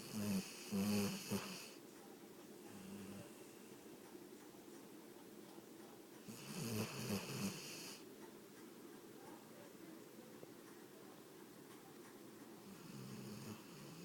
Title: My dog snores